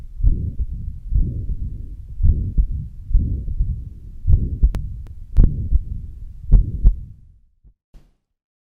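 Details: Mitral regurgitation murmur.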